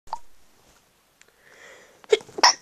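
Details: Sneezing while sick with a cold: an indrawn breath, then two sharp, explosive sneezes in quick succession through the nose and mouth, which may sound different from usual sneezes.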